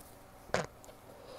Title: rapid stifles muffled (f)